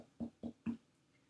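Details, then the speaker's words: Tympanic abdominal percussion over a child's abdomen, normal body mass index, non-distended: three quick, hollow taps, slightly more resonant than the dull right upper quadrant, suggesting hollow bowel not obstructed by masses. "Slightly more resonant, indicative of nice hollow bowel, not obstructed by masses."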